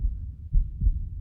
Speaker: everyone has a different heart sound a heartbeat and so i put this one in here just to give you an idea of what a normal heart rate would sound